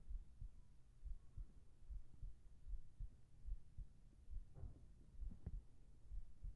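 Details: Steady, regular low thumps of a heartbeat, about 70 a minute, with a soft hum behind and a whispered voice in a sleep ASMR recording; a normal heart rhythm.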